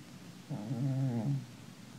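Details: A single low, buzzing, rattly breath about a second long rising out of quiet room noise from a cat; snoring.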